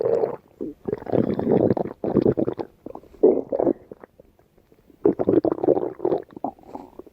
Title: Pebble’s stomach growling